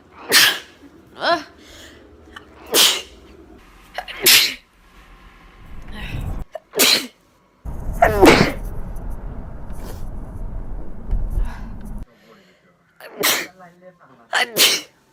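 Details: About eight sharp, explosive acted sneezes from a sad goblin character, strung together with changing background noise between them.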